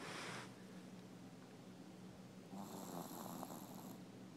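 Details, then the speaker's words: Snoring: low, rattling snores over steady background hiss, with a snort-like burst midway. "Hi. Stop snoring."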